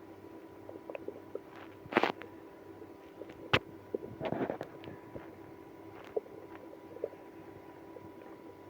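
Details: Stomach growling in a person with irritable bowel syndrome after drinking milk and prune juice. Scattered gurgles, squelches and brief rumbling bursts over a faint steady hum: active bowel sounds, borborygmi.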